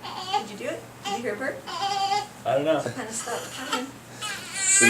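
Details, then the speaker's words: An infant girl fusses with short, wavering cries while being held for burping; she is uncomfortable before burping: an infant fussing cry. "she's uncomfortable that's why she's she's going to burp and then she's going to stop"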